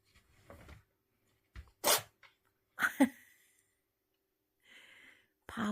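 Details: A few short, sharp sneezes from a cat in a quiet room after rummaging and stirring up dust; cat sneezing.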